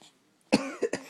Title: Funny cough